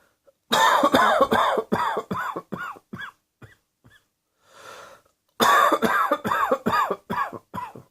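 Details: Two runs of rapid, voiced coughs, about seventeen in all, separated by one audible in-breath.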